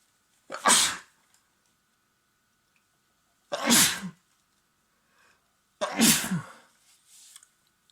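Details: Adult man with a cold, sneezing at home: three loud, forceful, wet sneezes a few seconds apart in a quiet room, the last followed by a softer breath; sneezing fit.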